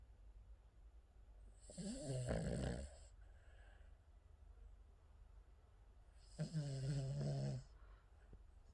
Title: King Charles Cavalier dreaming and snoring